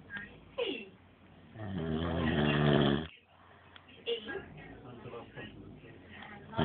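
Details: Adult man, the uploader's dad, who claims he doesn't snore, snoring in sleep: a loud, rough, rattling breath in through the nose and throat, then quieter breathing with faint room noise.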